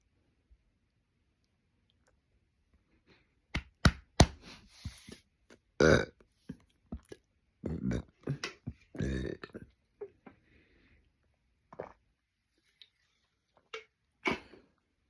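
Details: Several loud, low, gurgling burps from the throat separated by quiet gaps in a quiet room; repeated burping.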